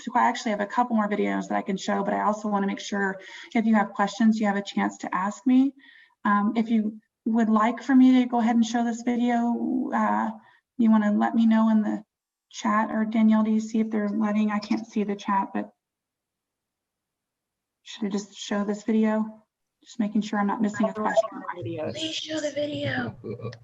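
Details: Adult woman; normal speech.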